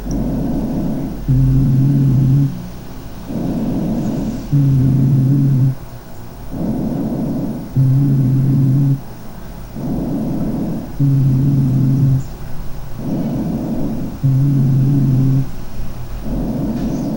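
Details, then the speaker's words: Rhonchi in obstructive airway disease such as chronic bronchitis (COPD): free inspiration, then coarse, harsh, low snoring musical rhonchi on each expiration. "un ruido áspero musical agudo un grueso espiratorio básicamente porque porque recuerden que en las enfermedades obstructivas el problema es para sacar el aire"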